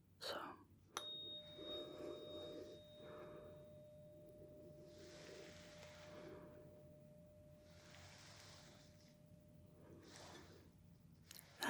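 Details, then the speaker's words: Simulated ASMR medical roleplay hearing test comparing high and low pitch: a struck 512 Hz tuning fork rings a steady, clear high-pitched tone that slowly fades, with soft whispering around it. "is higher pitched. That's our 512 Hz fork."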